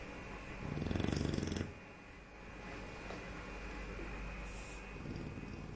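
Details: A rattling, fluttering snore on the breath, rising then fading, against steady room noise; snoring.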